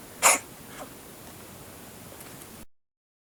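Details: Siamese cat under a car, beside a mouse it had caught itself, makes a strange cough: a single sharp, hissing expulsive burst followed by a faint second puff.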